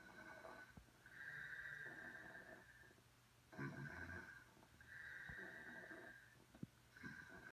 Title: May 7 2017 dad snoring